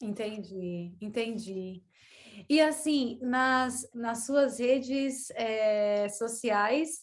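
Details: Stuttering in a woman who has stuttered since childhood, with blocks and pauses that she describes as not very severe.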